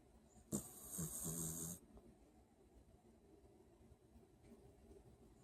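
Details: Dog snoring: a single snorting, hissing snore lasting about a second, followed by quiet breathing.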